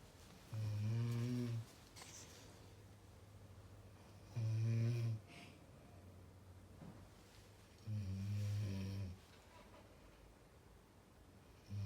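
Three long, low, rumbling snores about 3.5 seconds apart, roughly 16 a minute, with quiet pauses between them.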